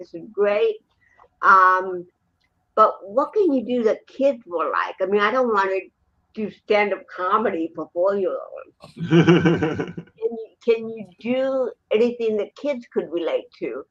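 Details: Woman born with cerebral palsy in 1956, speaking in an interview. Finding: dysarthria (cerebral palsy).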